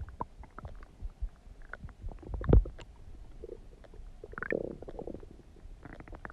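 Irregular low gurgles, pops and bubbling squeaks from the abdomen, typical ordinary stomach rumbling.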